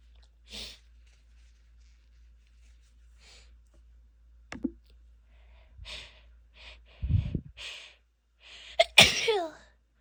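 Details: Female sneezing: several short, muffled, stifled sneezes held back in the nose, then one full explosive sneeze after a quick in-breath.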